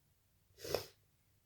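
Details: A single short, soft sneeze burst in a quiet room from a person whose nose tickles a lot today.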